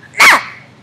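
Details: 20-year-old woman with Tourette syndrome; stress increases her tics and her tics increase her stress in an ongoing cycle; vocal tic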